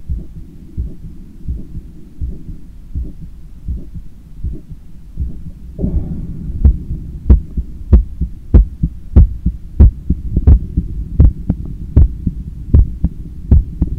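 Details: Own heart sounds recorded by stethoscope after a 10 km run, lying on a daybed leaning on the left side while controlling breathing: strong, regular heartbeats at about 95 a minute, louder after the first seconds; normal heart, fast after exercise.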